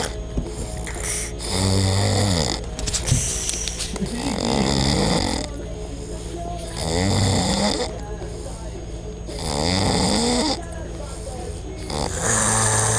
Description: ein skinhead der schnarcht.